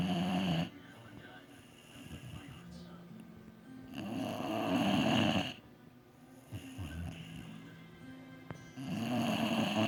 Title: Funny Boxer snores so loud